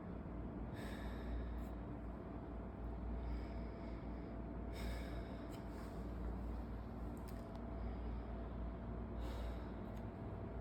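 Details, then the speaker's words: Lung auscultation of the anterior thorax, starting at the trachea, with the stethoscope diaphragm: an adult male patient takes three slow, deep open-mouth breaths on cue; normal breath sounds, no added noises. "então vamos lá lembrando sempre que eu tocar você vai puxar lá e soltar Ok"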